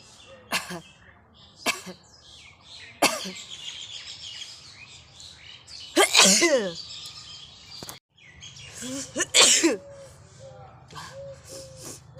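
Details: Sneezes deliberately triggered by tickling the nose with a stick: several sharp bursts each preceded by an indrawn breath, birdsong behind; induced sneezing.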